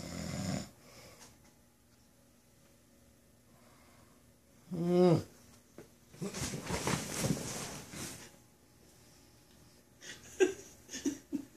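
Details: Sleeping adult man snoring while pranked with coconut oil on his lips: one loud buzzing snore, a long rough noisy breath, then a few shorter snorts, quiet room.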